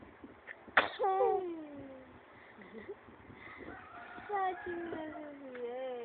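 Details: A sharp, ordinary sneeze burst followed by voiced whimpering and talk in a quiet room.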